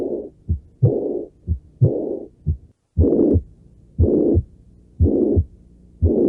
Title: Ruidos Cardíacos